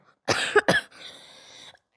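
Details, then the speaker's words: A 12-year-old boy with a constant cough for 8 years, treated with corticosteroid drugs and unable to sleep at night, gives two sharp, harsh coughs in quick succession and then a breathy exhalation: chronic cough. "Normal yaşamamı etkiliyor bu öksürük. Çoğu şeyimi etkiliyor."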